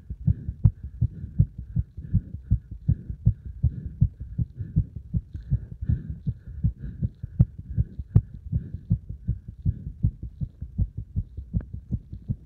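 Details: Heart sounds recorded after combined beeper test and squats (hard exercise): strong, regular low thumping heartbeat at about 80 beats per minute; a normal heartbeat after exercise.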